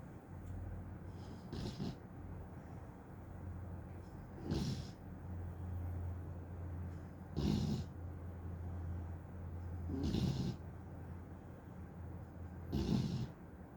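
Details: Teddy, an American Staffordshire terrier dog, snoring like an old man: low, steady snoring with snorting breaths about every three seconds, roughly 20 a minute.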